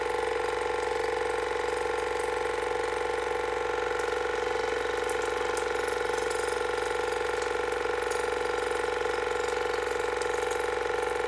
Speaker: so here's the water flosser it's got lukewarm water in it and I've got the smallest wand which I think is the best and then we're going to run this at level seven or eight